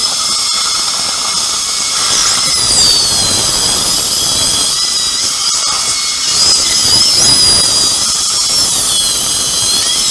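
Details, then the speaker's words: Steady high-pitched dental handpiece whine with rising and falling squeals and water spray hiss: a diamond bur cutting an upper second molar for extraction and immediate implant placement with no sound bone under the sinus floor. "다이아몬드 보어 줄래요? 이거는 커팅은 잘 되는데 바브레이션이 커요. 그래서 다이몬드가 좋아요."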